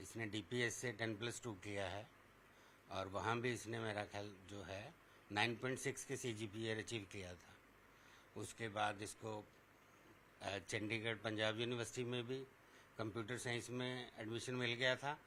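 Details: Adult man speaking Hindi; typical speech.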